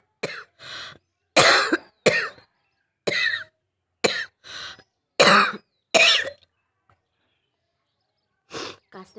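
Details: Real coughing from a person with a cold who reports a burning throat and catching breath, recorded on a rooftop for a cough challenge: repeated harsh coughs in clusters, about ten over nine seconds.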